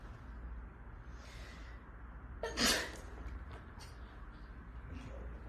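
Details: A girl playing a sneeze prank on her father: one sharp, explosive burst of air out of steady background noise, a single sneeze.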